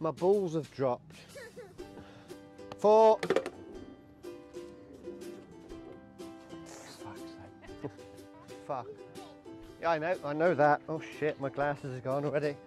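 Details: Person with ADHD and Tourette syndrome; speech likely includes vocal tics; vocal tics (Tourette syndrome).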